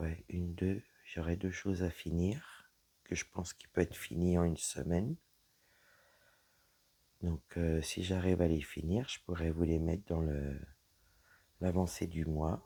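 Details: Woman whose vocal cords were damaged by a serious health problem; voice deeper than before, at times little voice, unable to speak loudly; low-pitched voice; dysphonia from vocal fold damage.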